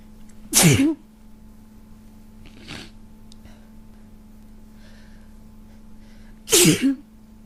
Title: lots of cold sneezes